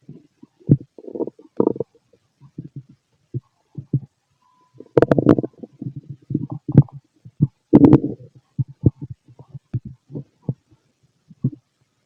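Frequent bubbling gurgles and short rumbles in irregular bursts, typical of active bowel sounds on an empty stomach.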